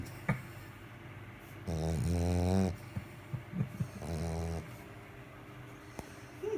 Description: snores louder than hubby